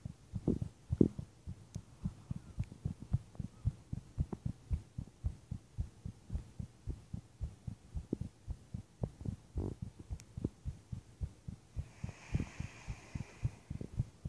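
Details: Strong heart pounding recorded while lying in bed at night for no known reason: steady, strong, low thumps of a heartbeat in a quiet room, with the audio dubbed onto the video.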